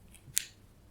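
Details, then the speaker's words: Left knee clicking for a couple of months, on rising from a squat (wider stance, externally rotated femur), without pain: a single sharp, crisp click; knee clicking (crepitus). "click so we'll try some more variations take my feet bring my feet heels together and so with externally rotated femur is still clicking"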